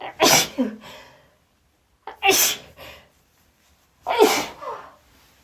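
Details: Female sneezing after trying the chhinkni sneeze trigger for the first time: three sneezes about two seconds apart, each preceded by a quick gasp; rapid repeated sneezing.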